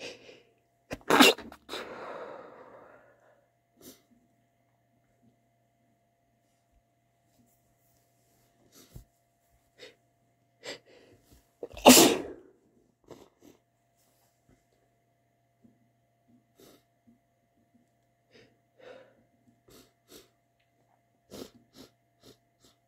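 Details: Adult male sneezing: two forceful sneezes with faint breathy false starts (aborted sneezes) between them in a quiet room.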